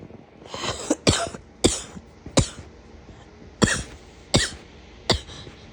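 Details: An adult gives a run of about six harsh, abrupt coughs with a hard, barking edge: barking cough.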